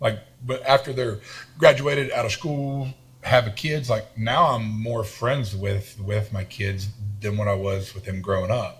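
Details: Adult man with a self-reported lifelong stutter and lisp, in speech therapy his whole life; stuttering.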